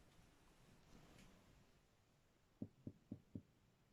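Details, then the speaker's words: Finger-on-finger cardiac percussion in a patient with heart failure: four short, dull thuds over the heart near the sternum, a flat note rather than resonant lung, with the sound changing as percussion moves left. Cardiac dullness. "aquí podemos escuchar lo que es la medida es cardiaca si nos desplazamos más hacia la izquierda esto va a cambiar en el sonido y aquí ya cambio"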